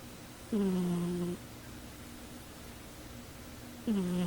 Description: Cat snoring while sleeping on a chair.